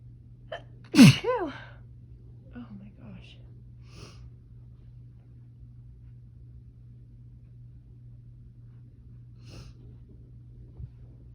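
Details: Female's sneezing fit on a summer night, attributed to heat-triggered allergy flare-up in Florida: one loud sneeze with rising voiced onset, then faint breaths and small sounds in a quiet room.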